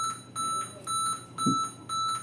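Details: Repeating high-pitched electronic beeps, about two per second, in a quiet room; a Servo 300SV ventilator alarm sounding during preventive maintenance, calibration and alarm checks.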